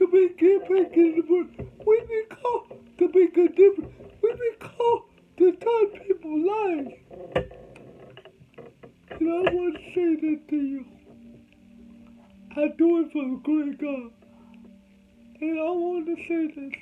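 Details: Adult man with cerebral palsy, whom doctors said would never talk, showing dysarthria in cerebral palsy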